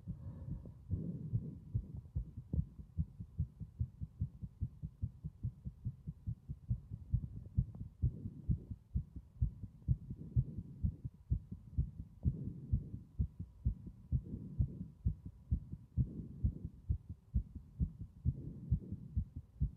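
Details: Loud, strong heartbeats throughout, low thumping at roughly 130 a minute, somewhat irregular in spacing, with faint low background hum; strong heart sounds.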